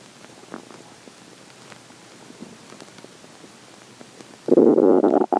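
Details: Faint gurgles, then a loud, long rumbling growl near the end, from a person who is hungry in the morning; stomach growling (borborygmi).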